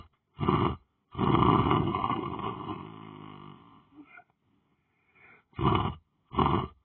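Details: Person lying on the floor, sleeping or meditating: loud, deep rattling breath noises, one long and drawn-out and several short, with silent gaps between them; heavy snoring.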